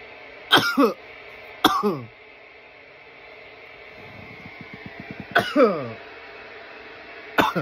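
Four harsh, hacking coughs with short bursts and a brief gurgling rattle between them; irritant coughing after smoking.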